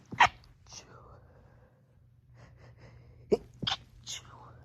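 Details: Stifled sneezes while home alone, recorded over a few hours in different rooms and stitched together: short, muffled bursts of air, held back rather than full sneezes, with quiet room noise between.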